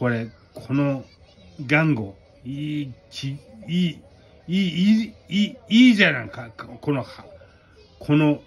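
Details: Speaker with aphasia and hemiplegia after a cerebral hemorrhage; aphasia.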